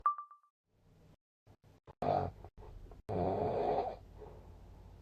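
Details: Sleep snoring recording dated 2/15/2024 with snore score 166: a brief chime, then rough, rattling breaths during sleep; snoring.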